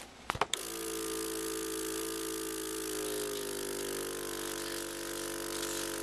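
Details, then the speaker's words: Clicks, then a steady motor hum and whistling hiss from a suction machine doing oral and nasal suctioning with saline. A 5-year-old girl with spinal muscular atrophy type 1, on BiPAP all day, is ending a Cough Assist treatment. "And then we suction nasally with saline at the end of the treatment. And we suction orally one more time."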